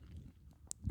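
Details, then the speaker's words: Brief low gurgling rumble with a small click from an adult woman's stomach, heard during a podcast; stomach gurgling (borborygmi). "That's stomach, by the way. If you can hear that, that gurgling noise, that's kind of weird. It's got a mind of its own."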